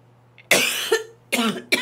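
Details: Female streamer's repeated dry cough, three harsh forceful coughs in quick succession over steady low room hum. She says that at work she coughed so hard her throat tasted of blood.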